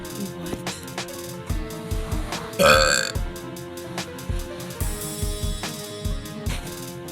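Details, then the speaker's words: A girl burping: a loud, drawn-out, rumbling belch over background music with a beat. "Let me try. I'm just better at longer burps, I guess."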